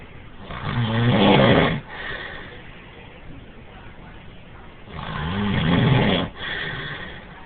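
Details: Man asleep in a bunk room: loud, harsh, vibrating snores on two inhaled breaths, each followed by a softer exhaled sound; heavy snoring.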